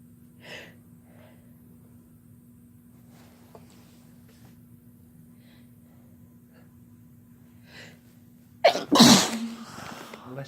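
Quiet stretch, then a loud sudden sneeze burst with a short breathy trail: an ordinary sneeze.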